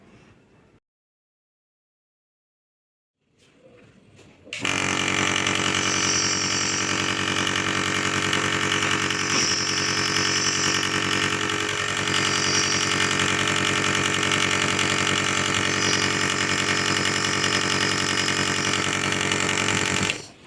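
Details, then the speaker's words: Electric compressor nebulizer, used with Levolin for a child's blocked nose, switched on: after a silence, a loud, steady, buzzing motor hum with rapid regular pulsing; its noise tends to frighten children. "అప్పుడు మనం ఈ nebuliser ని on చేసుకోవాలి దీని నుంచి steam వస్తుంటే అంత ఇబ్బందిగా ఏమి ఉండదు పిల్లలు ఈజీగా పట్టొచ్చు కాకపోతే ఈ సౌండ్ వల్ల పిల్లలు ఎక్కువగా భయపడి పెట్టించుకోరు"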